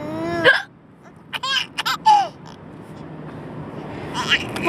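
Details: Mother's hiccups while riding in a car: abrupt, sharp voiced adult hiccups about 4 seconds apart, with a baby giggling in between over low road noise.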